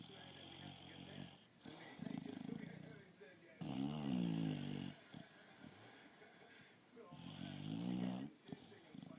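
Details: An English Bulldog snoring and dreaming during an afternoon nap: loud, rattling, throaty snores in uneven bursts with whiny, fluttering tones between breaths. This is ordinary sleep snoring.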